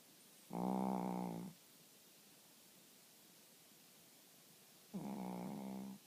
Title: Fat snoring bear